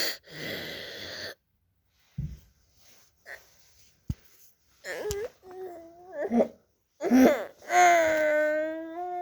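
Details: High-pitched, harsh, crowing breath sounds from a child with acute laryngitis (croup) and respiratory distress: stridor.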